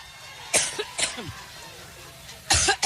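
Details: A woman's coughing attack during a Cleveland speech, which she attributes to being allergic: three sharp, harsh cough bursts with a brief throat-clear between them; a short adult coughing fit.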